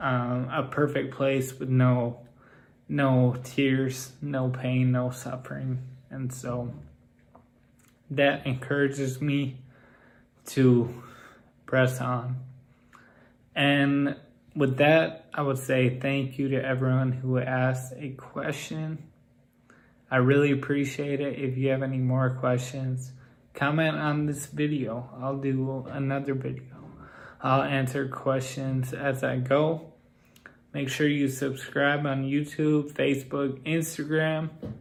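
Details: Ataxic dysarthria in a man with Friedreich's ataxia whose speech has grown progressively more impaired.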